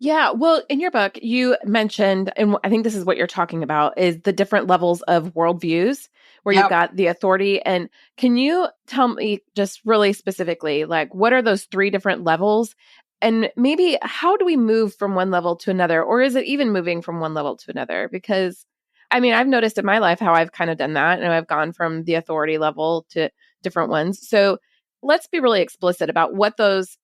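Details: Adult woman speaking; normal speech.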